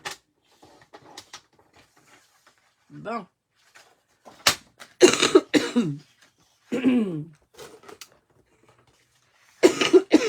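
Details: Several short, harsh cough bursts from an adult woman, with quiet breaths and small sounds between them, in a small room.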